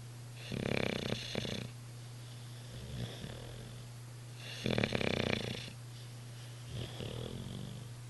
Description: My Olde English Bulldogge, Sluggo, may not look comfy, but he sure is snoring!